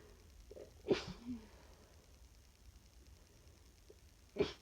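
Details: Person with flu, run down after about three hours' sleep in 24, recorded in real time: two quiet, muffled sneezes with a short catch of breath. They cannot sneeze at full force, so these are stifled sneezes.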